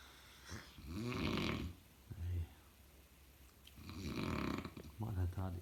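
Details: Heavy snoring: loud, rattling, low-pitched snores on each breath, about two breaths in five seconds, with brief snorts between.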